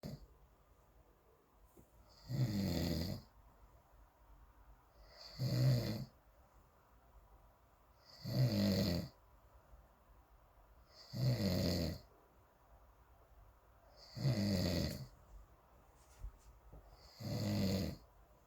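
Regular rough snores, about 20 a minute, each with a raspy, hissy edge and quiet gaps between; steady snoring in sleep.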